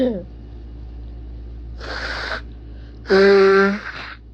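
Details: Induced sneezes from a person sick for a week with bad allergies, described as strong and wet, leaving them dizzy: two forceful, wet sneezes in quick succession, the second louder and voiced, over low room hum.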